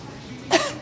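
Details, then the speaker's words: A single short, forced cough from an adult woman in a supermarket, deliberately coughing on masked fellow shoppers. Voluntary cough. "an anti-vaxxer karen has been spotted intentionally coughing on her fellow shoppers at a supermarket"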